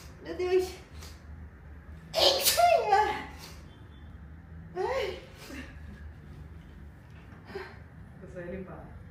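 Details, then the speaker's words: Girl sneezing: a loud explosive hissing burst amid a child's voice and adult talk, with a smaller burst after. "vai espirrar."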